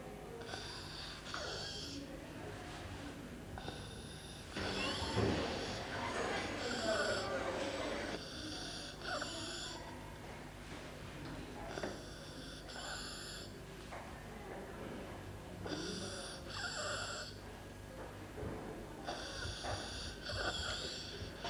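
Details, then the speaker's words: Child with stridor: a harsh, crowing noise recurring with each breath in, typical of a narrowed upper airway. "Next, Look and listen for stridor. Stridor is a harsh noise made when the child is breathing in."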